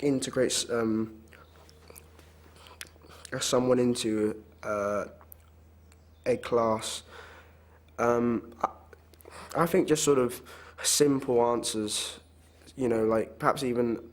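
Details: Child who stammers; stammering is described as getting stuck and unable to say a word, with tense struggle, and as worse when rushed; stammering (stuttering).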